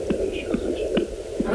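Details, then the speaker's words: Fetal heartbeat played aloud from a pregnant woman: rapid, regular whooshing beats about 140 a minute over a steady hum. "I THINK THE HEARTBEAT IS THE MOST POWERFUL SOUND IN THE WORLD."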